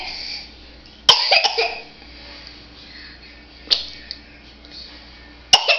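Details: Three brief, sharp forced coughs spaced a few seconds apart over low room hum, from a playful person who often fakes coughing when concern is shown; deliberate fake cough.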